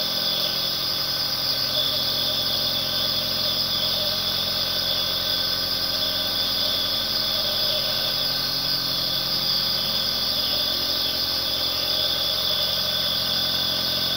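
A steady mechanical hum with a strong hiss of air, unchanging throughout, typical of a nebulizer compressor running continuously.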